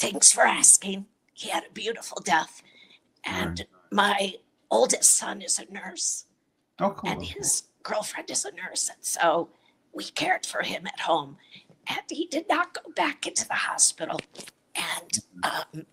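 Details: Adult woman with a chronic voice disorder; dysphonia.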